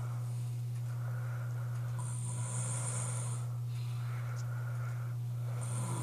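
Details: Adult man's loud snoring, loudest in a while: steady low rumbling with rasping breath noise rising and falling over a constant background hum.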